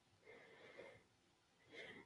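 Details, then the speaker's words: Dog making two harsh, honking, quickly drawn snort-like breaths; owner says he has reverse sneezes: reverse sneezing episode. "I don't know why it's like he has reverse sneezes they're common they say but she scares me to death"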